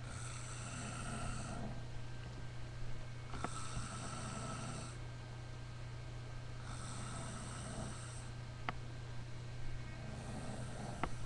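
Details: Steady, harsh snoring recorded on a webcam, snores about every three seconds over a constant low room hum.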